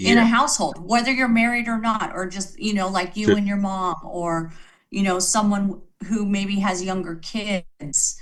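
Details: Adult female speaker; ordinary speech.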